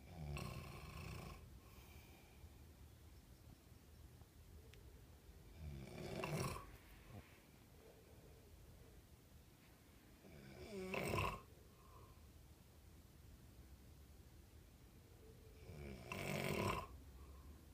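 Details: Adult man (a father) snoring in a small room: loud rattling snores recurring about every five seconds, with quiet breathing between them; ordinary snoring.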